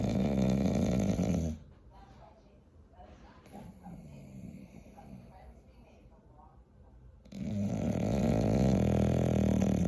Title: Snoring POV #bulldog #dog #nyc